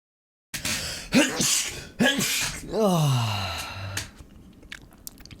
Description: I don't just sneeze -- I have sneeze sessions. So I decided to record one of my sneezing sessions.